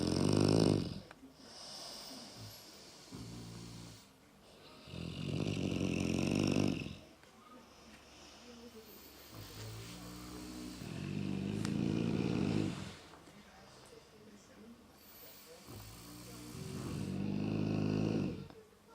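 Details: One of two animals lying and snoring, one louder than the other: four long rattling breaths with quieter snorting sounds in between; loud, rhythmic snoring in a sleeping dog.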